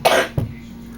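Two quick, harsh cough bursts from an adult, acted rather than a real coughing fit.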